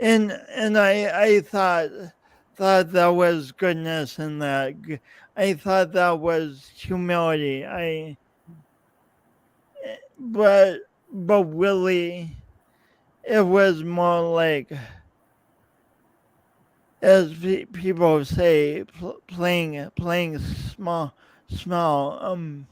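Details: Adult male podcast host with a speech impediment present since at least seventh grade, plus coordination differences, speaking with word repetitions; stuttering.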